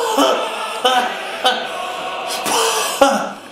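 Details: Cough in a staged anti-smoking comedy sketch, from a character who had been smoking: cough.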